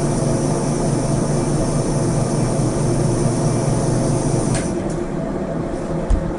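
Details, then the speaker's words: Loud steady rushing, humming noise of an older NCA 200 air caloric irrigator with airflow on, recorded for comparison with the quieter ICS AirCal, about 13 dB quieter overall. "So first let's do the NCA 2000. This is the sound of the NCA 2000 with airflow on."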